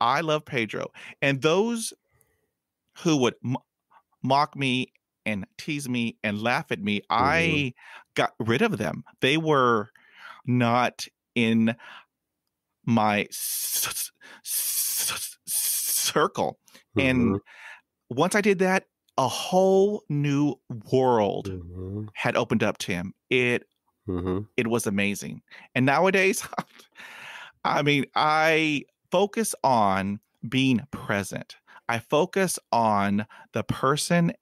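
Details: Adult male podcast host who hid his stuttering for about 35 years and still stutters; real, non-acted speech; stuttering.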